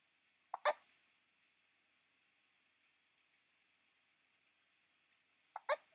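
Two abrupt, sharp gulping hiccups about five seconds apart, with near silence between them.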